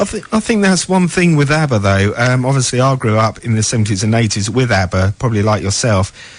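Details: Adult male speaker; plain speech.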